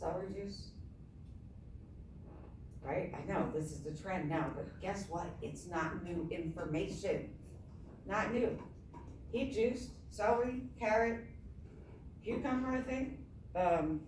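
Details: Adult woman with myasthenia gravis since age 7, apparently without her custom palatal device; palate fails to close so air escapes through the nose during reading; hypernasal speech.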